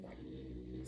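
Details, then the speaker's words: A small female pet dog snoring with a steady, low, buzzing rumble and no words, in a quiet room. "Gente esse barulho é minha cachorrinha roncando tá"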